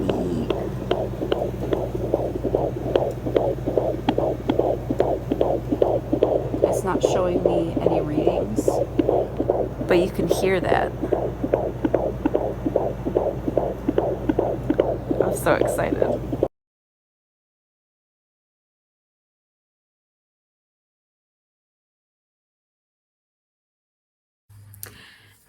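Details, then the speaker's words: Fast, regular whooshing fetal heartbeat, about 146 beats a minute, picked up by a home fetal Doppler over steady device hum; mother's fourth baby. "i don't know if you guys can hear that but that's the baby finally found the heartbeat"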